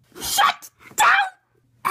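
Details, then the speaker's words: Simulated sneeze voiced for a My Little Pony toy character: a short two-part sneeze, a sharp intake then an explosive burst. "Twilight Sparkle, we need to send this news to President Rarity right away. Somebody sneezed!"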